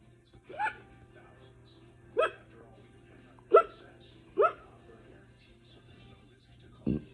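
Five sharp, voiced hic sounds about one to two seconds apart in a quiet room: hiccups.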